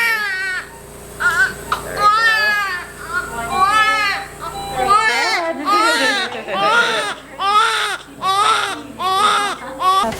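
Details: Loud, repeated, high-pitched newborn cries in regular bursts with brief gasps between: a vigorous cry just after a birth hurried by the doctor because the mother was bleeding heavily.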